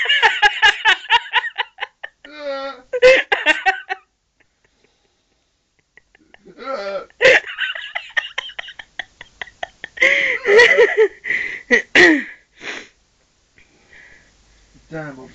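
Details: Man with hiccups while sitting in his room, likened to a sea-lion: repeated abrupt, sharp vocal catches at irregular intervals, mixed with laughing and voiced sounds; hiccups.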